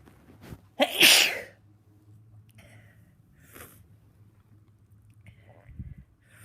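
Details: Congested, runny-nosed person sneezing repeatedly through the day: one loud, explosive sneeze with a sharp intake before it, then quiet snuffling breaths.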